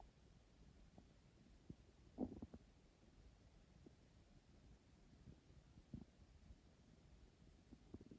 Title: My growling tummy #hunger #stomach #growling #hungry #emptystomach